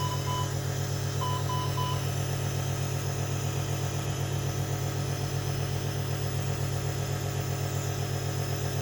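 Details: Steady low mechanical hum with a few short beeps at the start: a nebulizer compressor running during nebulizer therapy for a NICU infant with Down syndrome, wheezing and respiratory distress.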